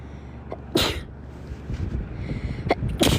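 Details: Girl sneezing, in a looped sneeze edit: sharp, explosive sneezes, two close together and a third near the end, over a steady low background hum.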